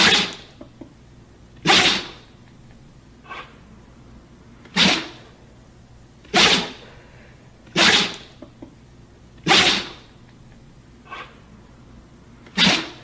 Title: Dog Sneezes 1 Hour